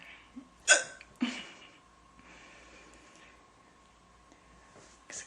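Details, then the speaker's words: Hiccups in a girl: short, abrupt gulping sounds, two close together and then a later one, over a quiet room hum. "can't do anything else until they're over. It's annoying. Done yet? Apparently not. When you think they're over, they're not."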